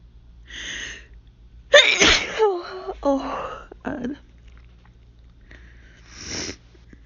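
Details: Hay fever (pollen allergy) sneezing fit: a run of several forceful sneezes close together.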